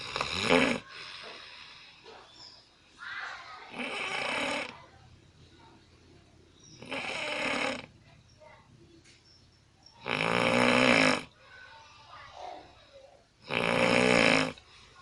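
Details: Person asleep, recorded on an Alcatel Onetouch Flash Plus phone: loud, rough snores about every 3 to 4 seconds, about 18 a minute, with quieter breathing between; snoring.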